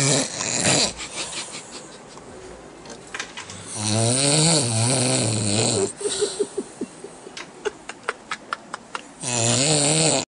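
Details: Very loud, harsh rattling snores with each breath, with clicking, smacking sounds between them; heavy snoring.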